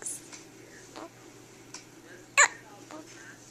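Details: Newborn baby girl a few hours old with her first hiccups, sounding like a little puppy: one clear sharp hiccup amid a few fainter catches in the breath, in a quiet room.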